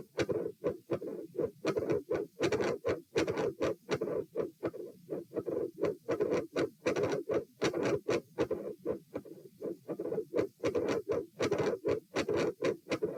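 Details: Heart auscultation at position A during a posture stress test (lie, sit, stand, sit, lie; 84-90-102-84 bpm): beats about 85–100/min with a mid-systolic extra sound, murmur around S2 and split S2.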